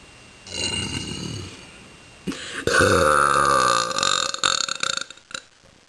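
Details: Deliberate voiced burp: a long, loud, rumbling belch after a brief lead-in, with room noise.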